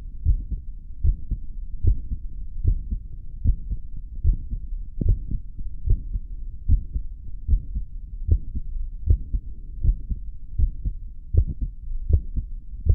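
Steady low thumping heartbeat at about 76 beats a minute over a soft hum, after caffeine.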